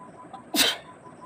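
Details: Deliberately induced sneeze, nose tickled with a twisted sari end in a sneezing challenge, one of about 15: single sharp, explosive sneeze with a brief intake before it, quiet room.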